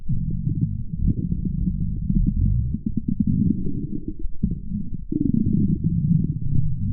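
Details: Stomach growling in a woman, recorded on request; borborygmi.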